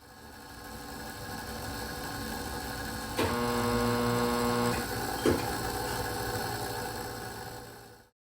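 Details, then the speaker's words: X-ray machine firing its beam, recorded at a hospital: steady rising hum with a brief tonal buzz between two clicks. "That was the sound of the X-ray beam. I recorded this sound at the hospital my mommy works at."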